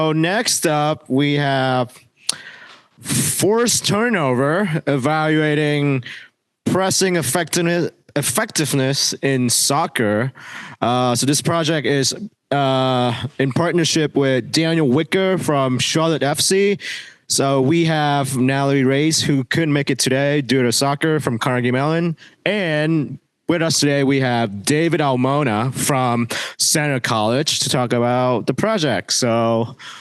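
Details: Adult male; normal speech.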